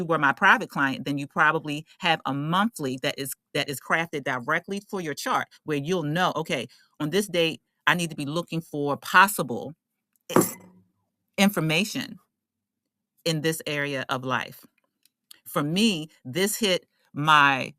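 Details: Adult woman who states she is a stutterer, working on her speech, and says she stutters less when allowing herself to be herself; stuttering.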